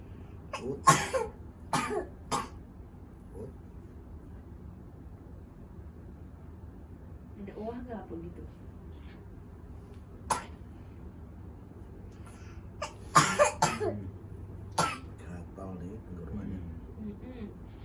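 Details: Several short, weak coughs and throat clears with long pauses between bursts, in a quiet room. This is a chronic cough of about one month, recorded during a therapy session; the cough does not fully clear.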